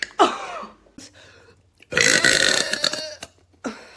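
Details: Compilation of voluntary burping: several loud, drawn-out belches with short pauses, one long and rumbling.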